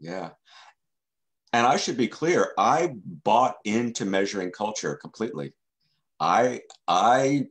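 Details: Stuttering in an adult man who has stuttered since childhood and has been in the stuttering self-help movement since 1992.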